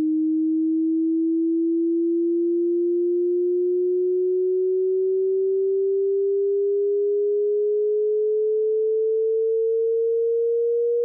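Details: Tinnitus pitch-matching tone sweep for headphones or speakers, to match the pitch of tonal tinnitus.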